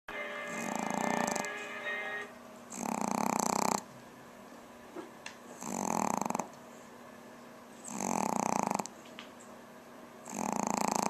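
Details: Pomeranian dog snoring: loud, rough snores about every two and a half seconds, roughly 25 breaths a minute, with quiet pauses between.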